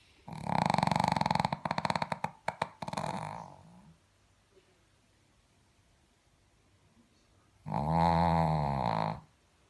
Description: Dog snores louder than my husband